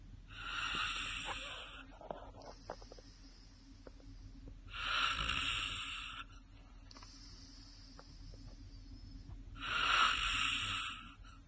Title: snoring :D